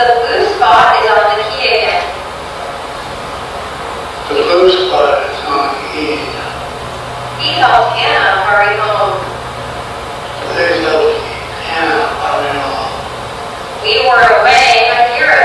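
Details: Hypokinetic dysarthria in a patient with Parkinson's disease reading sentences, with discoordination plus a breathy voice disorder.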